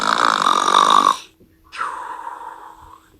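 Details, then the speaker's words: Cartoon animated snore sound effect, not real: loud rasping inhale, brief pause, long whistling exhale; simulated snoring. "today's episode is 70s long snoring enjoy the video"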